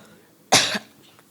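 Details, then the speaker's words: A single short, harsh cough from an adult woman preacher in a quiet room during a youth meeting sermon; she says she keeps getting a cough. "எனக்கு இரும்பல் வரும்போதெல்லாம் நான் உங்கள பேச விட்டுருவேன் அதுக்கு தான் உங்ககிட்ட கேக்குறேன் சொல்லுங்க"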